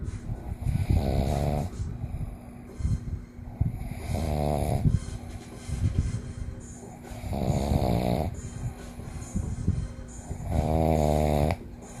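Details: Father snoring: loud rattling snores recurring about every three seconds, with quieter breathing and faint background music between.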